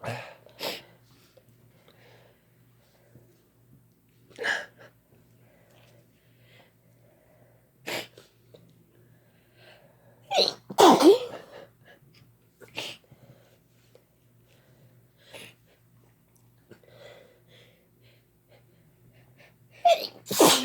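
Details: Two people sneezing together after using chhinkni sneezing powder: scattered sharp sneezes and snorts over twenty seconds, with quiet breathing between them; induced sneezing.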